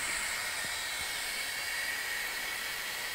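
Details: UCL-Ventura continuous positive airway pressure (CPAP) flow generator running with its disposable circuit as the mask is applied over the patient's nose and mouth, giving a steady loud hiss of continuous airflow with no breath cycles standing out.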